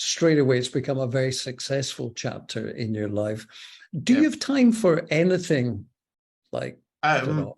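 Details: Adult male interviewer; typical speech.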